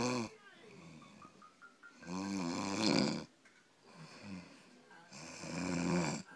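Loud, rough snores repeating every few seconds, with softer breathing sounds between them. Ordinary snoring.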